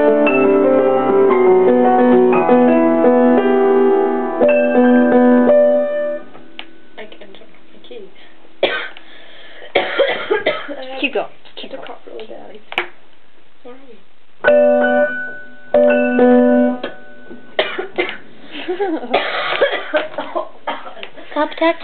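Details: An adult playing a Greensleeves piano duet has a sudden coughing fit: a run of harsh coughs between brief resumed notes.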